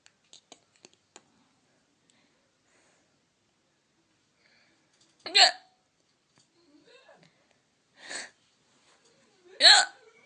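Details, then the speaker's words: Latina woman who has had hiccups for about half an hour despite trying everything, worse when laughing: three sharp, voiced gulping sounds a few seconds apart; hiccups. "Si me hace reír más, me da más fuerte."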